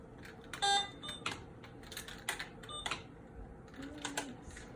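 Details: PCA infusion pump being set up: short electronic beeps mixed with clicks and handling noises as the syringe is loaded, the door closed and the key turned to program.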